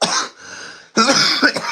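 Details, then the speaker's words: Adult who is still sick with a common cold, saying he can't think or speak: two harsh coughs separated by a brief breath in. "I'm sorry if you hear me coughing or wheezing or whatever but yeah man I'm just I'm still I'm still sick I'm still sick guys I'm still sick"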